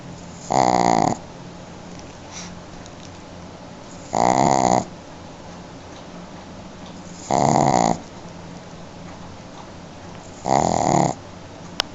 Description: Minha cadelinha Shih-Tzu, Magali, "puxando um ronco". hahahaa / My dog, Magali, taking a nap and snoring. LOL